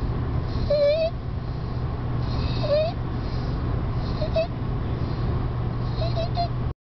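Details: A 2-year-old child with stridor due to laryngomalacia makes a high-pitched, crowing noise with each breath in: inspiratory stridor.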